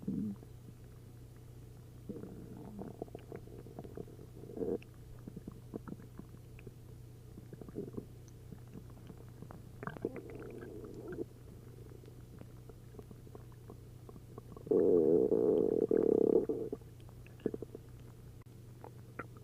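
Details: After drinking a liter of milk and a liter of prune juice, an upset stomach gives frequent bubbling, gurgling noises with a loud prolonged rumble as liquid moves through the gut: hyperactive bowel sounds.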